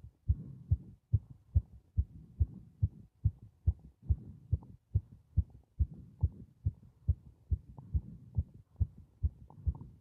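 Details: Regular, strong, paired low heartbeats, fast at about 140 a minute, recorded during paper-bag breathing (part 3); heartbeat.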